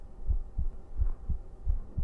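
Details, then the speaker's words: Male livestreamer's own heartbeat recorded for an ASMR sleep stream: soft, regular low thumps in lub-dub pairs, about 90 beats a minute, normal heart sounds. "久 保 存 版 心 音 聞 か せ て や る か。 抱 き し め な が ら 俺 寝 る よ。"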